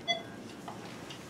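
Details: Single short electronic beep from a dental X-ray unit marking exposure, faint room noise, during dental cleaning of a 9-year-old female golden retriever, radiographing a questionable area on the lower incisors.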